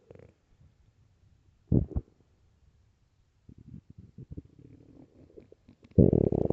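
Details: Irregular low gurgles and rumbling bursts separated by quiet, recorded early morning: ordinary stomach growling, borborygmi.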